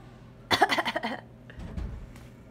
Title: fake coughing 1.31.18